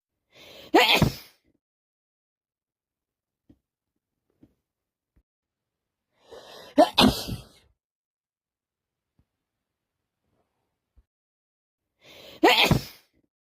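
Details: Three loud sneezes, each preceded by a short indrawn breath, about six seconds apart; repeated sneezing from bad allergies.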